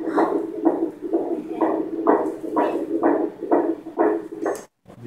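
Rapid, regular whooshing pulses at about 128 a minute, a fetal heartbeat picked up by ultrasound Doppler.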